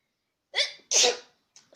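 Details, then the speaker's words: Demonstrated "normal sneeze": one ordinary sneeze, a short intake followed by a sharp, hissing explosive burst. "So yeah, first one will be the normal sneeze, like usual."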